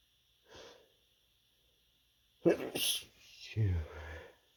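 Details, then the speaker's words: Person with an itchy, tickly nose: a soft catch of breath, then a sharp stifled sneeze burst followed by a short voiced exhalation; held-back sneezing. "Oh. Sneeze again. Chew. Chew. Chew. Oh. Chew. Oh. So sneezy right now."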